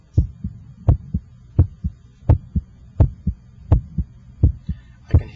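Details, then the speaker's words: Heart auscultated with an electronic stethoscope over the PMI (apical position) while radial pulse is felt for timing: regular paired beats about 85 a minute, louder first sound; normal first and second heart sounds. "your first heart sound and I can hear the second heart sound the first hot sound should have a louder quality in this apical position"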